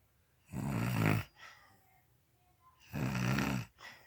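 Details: An adult woman (the recorder's mother) snoring while asleep: two loud, rough, low rattling snores on breathing in, each followed by a softer breath out, in a quiet room.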